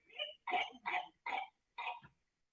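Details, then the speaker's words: Child with whooping cough (pertussis): a run of five harsh coughs in quick succession, a paroxysmal cough followed by an inspiratory whoop. "por isso que eu trouxe esse vídeo aqui com a tosse essa tosse paroxística da Coquelux que vocês possam ouvir"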